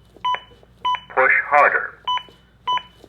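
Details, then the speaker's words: ZOLL AED Plus training demonstration: evenly spaced double-tone metronome beeps, about 100 a minute, with spoken prompts, pacing chest compressions during CPR after a shock, adjusting to the rescuer's rate; CPR metronome beep. "if I start going too slow or too fast the metronome will match my beat and then speed back up to get me back to the right ring"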